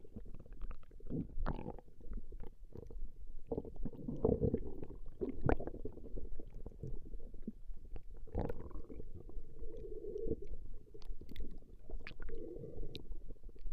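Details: Stomach growling recorded from a woman over a 20-minute session: low gurgling and rumbling from the abdomen with bubbling runs; borborygmi, normal bowel activity.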